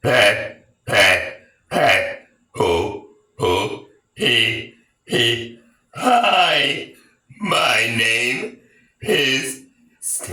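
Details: About ten loud, deep, voiced burps in quick succession, some long and drawn out; deliberate repeated belching.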